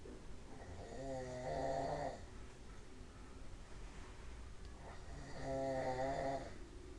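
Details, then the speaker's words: Snoring at 5:30 in the afternoon: two long, buzzing, tonal inspiratory snores about four to five seconds apart with quiet breathing between. "Yes, that's those boys snoring at 5:30 in the afternoon."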